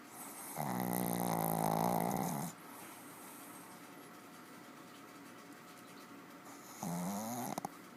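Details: Dog in deep sleep, not woken by two attempts: two loud, drawn-out, rattling snores separated by a quiet pause; heavy snoring.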